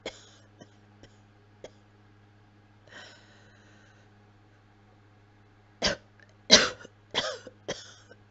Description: Some dry coughing. I just haven't been well this week overall I guess!